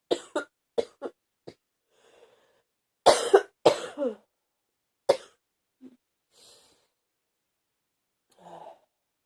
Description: Today was fever-ish... No energy and starting to get a heavy feeling in my chest and the cough is stronger